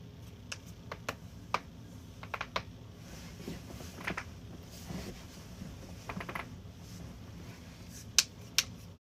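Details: Joint cracking: irregular sharp pops and clicks in a quiet room, harmless cavitation.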